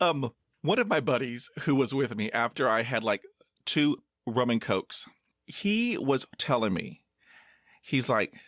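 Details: 22-year-old man who has stuttered his whole life, recently reaching confidence and acceptance of it, speaking in a real podcast interview; stuttering.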